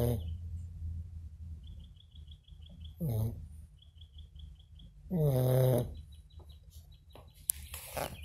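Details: Snoring: low, rumbling breathing noises with a couple of louder nasal snorts in a quiet room with faint chirping in the background.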